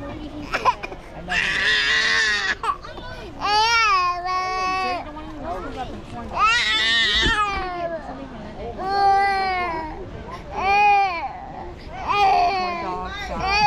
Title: Cry Baby Fwjchim 9/ 21/ 2024